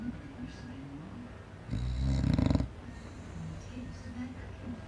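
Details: Snoring from a sleeping English bulldog.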